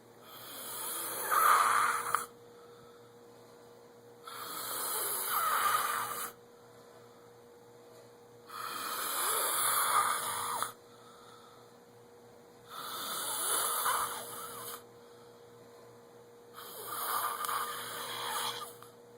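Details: Person asleep giving five loud rasping snores about four seconds apart, roughly 14 breaths a minute, over a steady low electrical hum; snoring.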